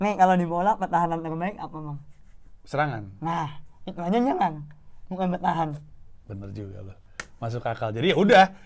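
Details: Cleft palate speech in an adult man with a cleft, speaking Indonesian.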